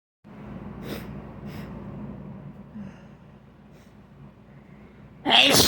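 Noisy breathing and sniffing, then a sudden loud burst at the end consistent with a sneeze.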